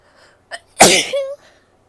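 A short indrawn breath, then one loud explosive sneeze with a brief voiced tail; a single ordinary sneeze.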